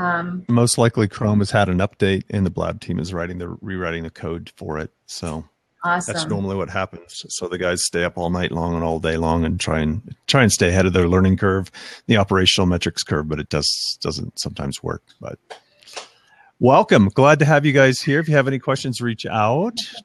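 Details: Adult man speaking; typical speech.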